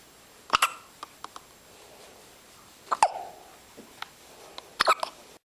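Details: Baby with hiccups: repeated short, sharp hiccup sounds, about four clusters in five seconds, with soft clicks between them in a quiet room.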